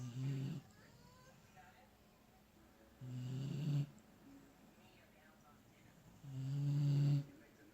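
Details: Steady snoring in sleep: low, rumbling snores about every three seconds, roughly 18 a minute, with quiet breathing between them.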